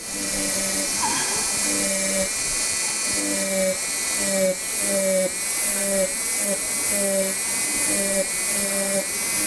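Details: Dental micromotor with flame-shaped burr cutting a labial bevel on a tooth, conservative dentistry demonstration; high whine in repeated short bursts.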